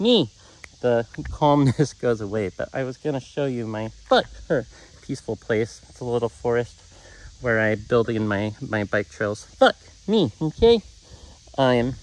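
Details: Man with Tourette syndrome whose speech is interrupted by interjected vocal tics; he says his calm goes away with contact with people, even via camera; vocal tics.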